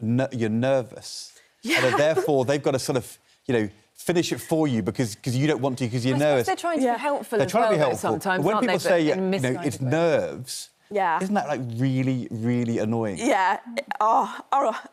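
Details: Adult speaker; typical speech.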